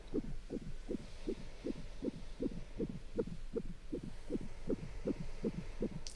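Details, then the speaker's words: Abdominal ultrasound with gel and a wand on the stomach: fast, regular whooshing fetal heartbeat at about 160 a minute; "good measurements, nice heartbeat"; no red flags seen in a patient worried she may be high-risk. "Good measurements. Nice heartbeat."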